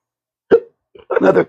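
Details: Man with chronic intractable hiccups, costing his surgical tech and acting careers; a single abrupt clipped voiced hiccup, then a brief sound and short vocal burst while speaking.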